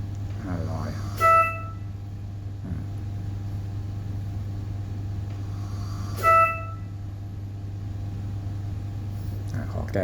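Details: A Philips Trilogy Evo ventilator with a dual-limb circuit cycling breaths on an artificial test lung, with a steady machine hum and a tonal beep about every five seconds.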